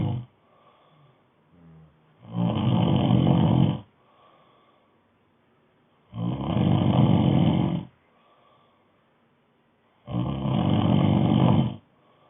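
Three loud, low, rattling snores on the breath in, about 15 breaths a minute, with quiet breaths out between; snoring.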